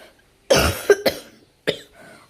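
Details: Person with fever, cold and cough, voice hoarse from coughing: four harsh wet-sounding cough bursts, a long forceful first cough, two quick short ones, then one more after a pause.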